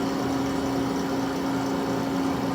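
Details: Steady low mechanical hum with a constant tone from a CAIRE Companion 5 stationary oxygen concentrator running normally; flow is adjustable up to 5 L/min.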